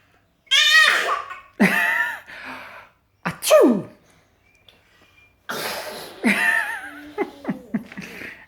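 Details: Toddler of about 13 months fake sneezing: several loud, voiced, playful sneeze sounds with giggly noises between them; pretend sneezing, not a real sneeze.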